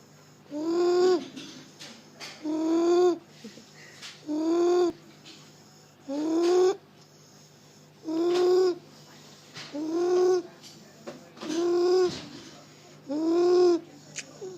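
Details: Severe croup in a child (Ollie) in A&E, recorded during a croup attack: loud, high-pitched crowing inspiratory stridor on every in-breath, about 33 breaths a minute.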